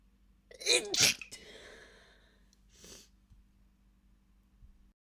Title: stifled chhinkni sneezes